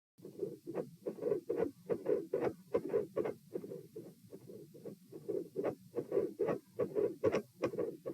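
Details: Normal heart sounds recorded supine (lying flat) at position P: regular paired low thumps at about 72 beats a minute.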